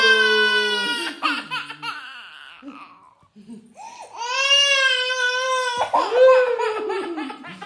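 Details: Young girl who spills water everywhere cries when refused, banging her head: loud, high, wailing tantrum cries with sobbing catches.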